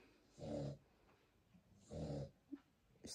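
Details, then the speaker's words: Tasha, an adult breeding dog (Chihuahua or Cavalier King Charles) with newborn puppies, asleep at night around 3 a.m.: two loud rumbling snores about 1.5 seconds apart with small snuffles between. "vous entendez ronfler, c'est Tasha."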